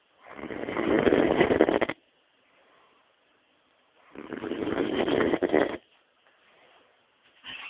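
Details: Man snoring very loudly, likened to a pig or a chainsaw: two long, harsh rattling breaths about four seconds apart with quiet gaps between them.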